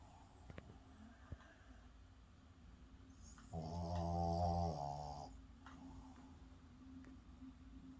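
One loud, low, buzzing snore on inhalation between quieter breathing, with faint room noise; ordinary snoring.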